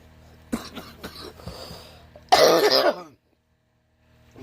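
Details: A few light coughs or throat clears, then one louder, harsher cough burst from an adult woman while smoking cigarettes.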